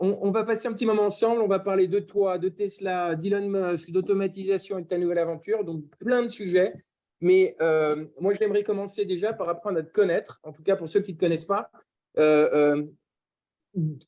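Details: Adult speaker; typical voice.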